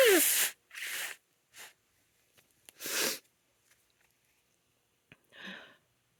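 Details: Female with allergies: several sharp, hissing sneezes with a sniff between them, then a short nose blow; repeated allergy sneezing.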